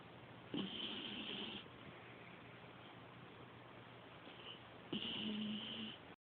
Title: Lady snores like a man